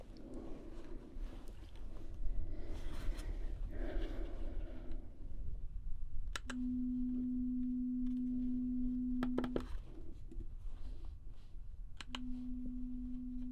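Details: Role-played ASMR audiometry hearing test: steady pure tones, one long and one starting near the end, over soft rustling room noise, with the listener asked to raise their left hand when tones sound on the left side.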